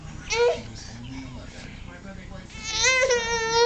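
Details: Infant crying, reportedly upset by father's snoring: a brief wail, quiet fussing, then a louder sustained high-pitched cry.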